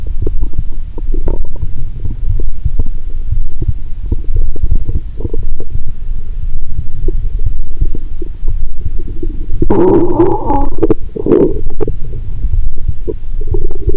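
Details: Stethoscope over the belly after drinking cola and swallowing Mentos: loud continual low rumbling, irregular gurgles and bubbly bursts, with a loud groan roughly every 2–3 seconds; active bowel sounds.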